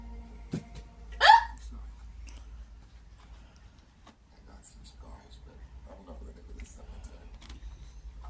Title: Struggling with hiccups? This method really works!